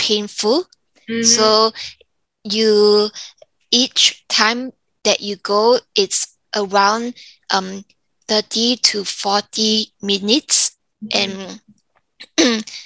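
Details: Woman aged 34 with aphasia and apraxia after a stroke at age 31 caused by an arteriovenous malformation; weaker right side, lost Mandarin tones, receiving speech therapy; aphasia.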